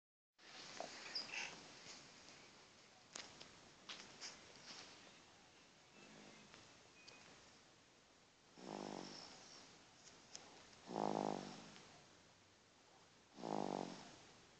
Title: Baby snoring loud